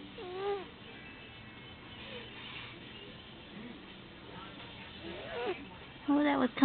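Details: Cat with asthma that wheezes often, filmed at home: squeaky, whistling breaths ending in a louder, sustained wheeze, with occasional big wheezing episodes; asthmatic wheezing.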